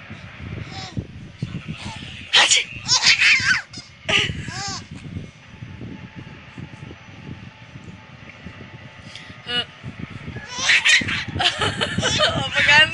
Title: sneeze! Sneeze!